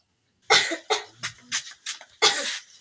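A burst of about six harsh, acted coughs, the last one loudest.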